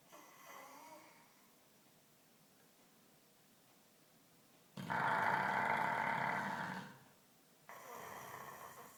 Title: Funny Dog Snoring